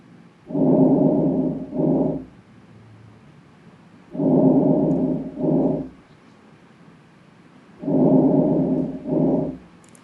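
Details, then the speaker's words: Smooth, even breathing heard through a stethoscope at about 16 breaths a minute, played as a normal comparison in a heart failure lesson; normal breath sounds without crackles. "ठीक है, these are normal breath sound जो मैंने आपको अभी सुनाई है।"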